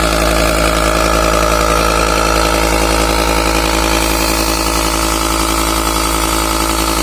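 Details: Steady loud motor hum with rapid rattling pulses from a discarded mini compressor nebulizer, used for medicine, running continuously after being repaired by tightening its screws.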